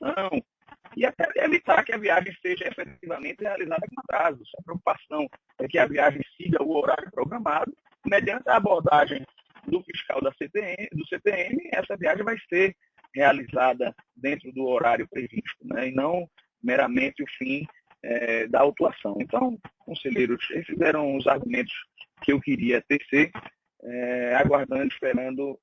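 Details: Adult male speaker; Normal voice.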